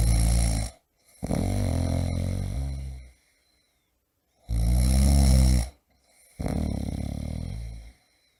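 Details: Adult man snoring loudly, sound-effect recording: loud, deep, rattling snores on each in-breath, with quiet gaps between, about four over eight seconds; heavy snoring.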